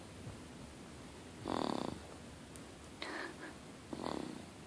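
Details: Three soft, rattling snoring breaths about every second and a half from a sleeping baby; snoring.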